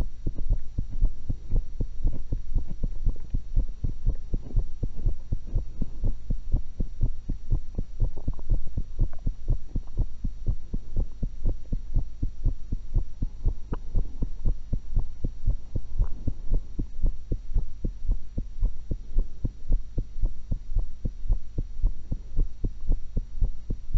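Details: Normal heart sounds recorded with a stethoscope while eating an apple and cucumber: steady, low, regular heartbeat thumps over a constant hum.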